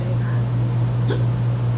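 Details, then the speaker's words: A person with ongoing hiccups: a single brief hiccup over a steady electrical hum. "hey can you hiccup again no I'm all done please I am tired of hiccuping it's very fun but it gets frustrated"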